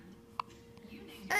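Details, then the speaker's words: A baby girl, just awake, with the hiccups. "really has the hiccups brinley has the hiccups hi pretty girl you're awake you're awake"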